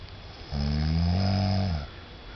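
A single loud, low, rattling snore lasting over a second, standing out from quiet room noise.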